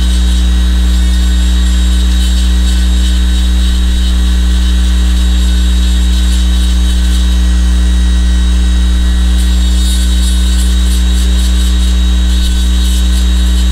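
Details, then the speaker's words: Low-speed handpiece with a long-shank round bur relieving the inside of a temporary crown by 0.5–1 mm, sparing the margin: steady low motor drone with a faint grinding hiss. "Depois desse procedimento, nós vamos utilizar de uma broca esférica de haste longa em baixa rotação e vamos promover um alívio interno dessa coroa temporária sem cortar a margem, que já copiou a linha de término, mesmo que ainda não esteja precisa, mas o que copiou não é removido, ele permanec"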